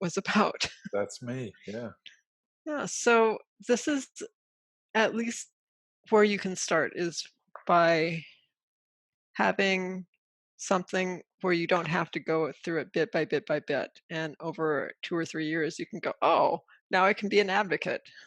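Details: Adult woman with aphasia from a stroke during sleep caused by a carotid artery dissection, with trouble getting words out; aphasia.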